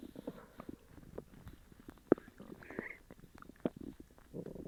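Irregular gurgling and squelching bowel noises with a few sharp pops: loud stomach rumbling from an upset stomach.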